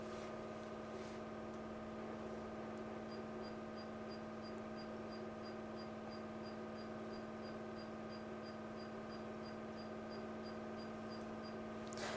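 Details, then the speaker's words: Constant machine hum with a rapid, regular series of short high beeps as a diode laser hair removal machine fires trial shots on a man's shaved, gel-covered face; laser firing. "Okay, now we take a couple of trial shots. And we will see how it turns out to be."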